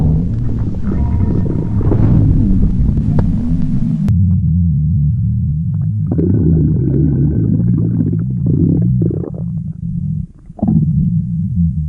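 Loud, low rumbling and gurgling bowel sounds with a few higher squeaks; ordinary stomach growling.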